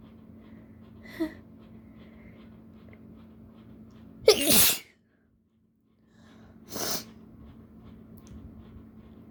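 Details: Short breathy build-up, then a loud explosive sneeze and a second softer one, from a person with allergies after a tickling, burning nose; allergic sneezing.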